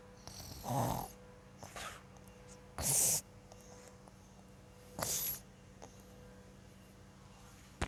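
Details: Three harsh, noisy snoring breaths over about eight seconds from a sleeping child, recorded by the father, with a steady room hum.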